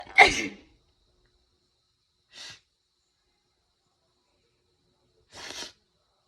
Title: How to sneeze nonstop! ( part 12)